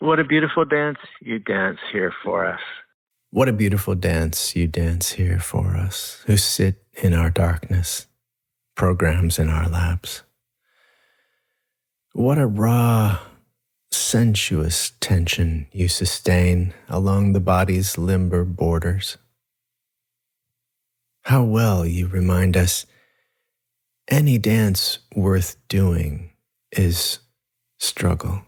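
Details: Adult male speaker reading aloud; normal speech.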